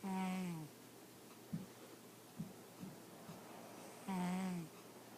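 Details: Sleeping cat: two loud, drawn-out rumbling snores about four seconds apart with soft snorty breaths between; snoring.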